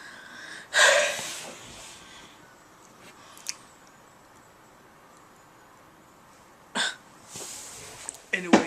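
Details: A male vlogger hiccups, just back from the orthodontist: a few abrupt, sharp vocal bursts separated by quiet pauses. Hiccups.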